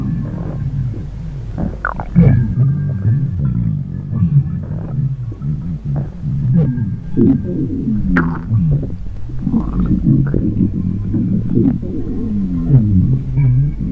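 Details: Empty stomach growling (borborygmi): long, low gurgling and rumbling with shifting pitch, continuous through the recording.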